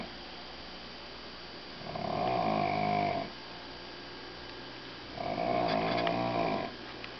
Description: Is it a man? Is it a woman? Is it a bullhorn? We'll never find out but I bet you've nver heard snoring like this before.